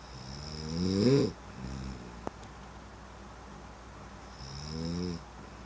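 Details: Deep, rough, vibrating snores on the in-breath, a few seconds apart, with quieter breathing between them: ordinary adult snoring.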